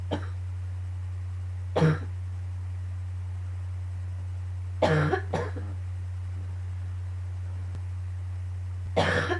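Several harsh cough bursts over about nine seconds, with a steady low hum in the background. This is a morning coughing fit.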